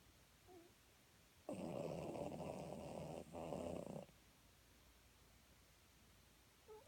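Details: Loud, rattling, fluttery snore of about two and a half seconds, briefly broken midway, from a woman, with sleep apnea.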